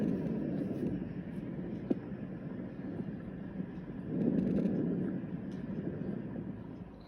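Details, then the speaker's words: Normal vesicular breath sounds heard over the peripheral lung fields, from above the clavicles to the seventh intercostal space: soft, low-pitched rustling breaths. "you should hear vesicular sounds over peripheral lung fields from above the clavicles to the seventh intercostal space"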